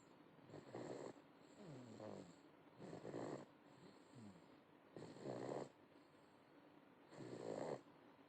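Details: 8-month-old snoring in sleep: soft, regular rasping snores, about four in eight seconds, alternating with quieter breaths out.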